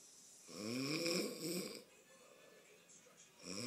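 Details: A child's father snoring: one rough, vibrating breath sound lasting just over a second, then near silence, with the start of another at the end.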